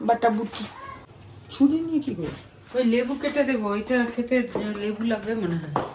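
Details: Adult speaker, household conversation; normal voice.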